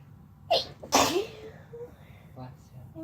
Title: Sneezing while Laying on each other (F+M)